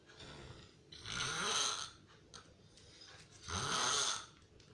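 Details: Heavy snoring: two loud, harsh, rattling snores on inhalation with quiet exhalations between.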